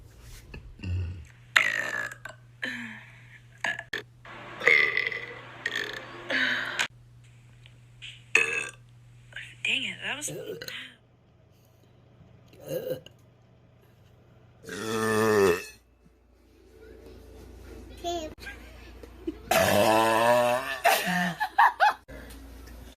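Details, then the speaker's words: Girl making several loud, drawn-out voiced belches with short breaks and brief speech between them; repeated burping. "Also, when I want to make tiny little burps, I just..."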